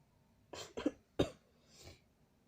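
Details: Sneezing brought on by pepper, with nose blowing: a few short, sharp bursts of breath through the nose and mouth, close together; the sneezer says it hurts.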